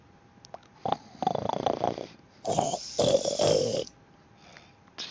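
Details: Snoring from a sleeping man.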